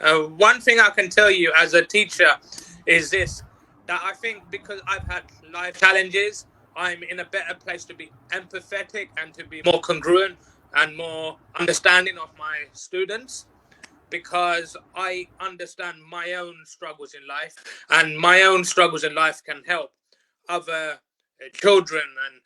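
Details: Adult who has stuttered since age four, stuttering on nearly every sentence at school, now working as a teacher and life coach; stuttering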